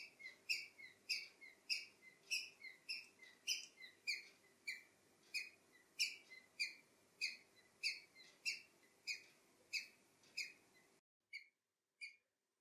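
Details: Male cockatiel that suddenly began making a weird sound all night after an afternoon caged outdoors in the garden, and died the next morning: wheezing and respiratory distress.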